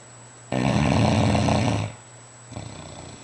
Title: Mastiff Snoring in bed ( Fila Brasileiro)